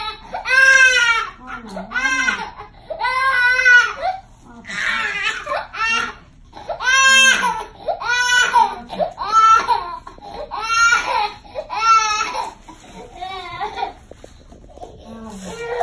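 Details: One-year-old boy crying in short, sobbing bursts with catches of breath between them, an ordinary upset cry just after his one-year vaccine shots at his one-year checkup.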